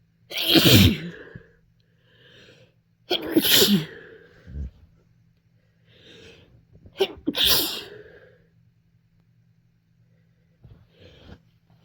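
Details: Sneezes while sick with a cold, some deliberately induced after trying to hold back: three forceful sneezes, each led by a sharp in-breath, with soft breaths between.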